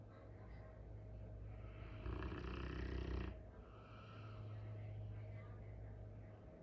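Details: Sleeping Cane Corso dog snoring: a deep, loud rumbling snore over steady low room hum, with softer snoring breaths before and after.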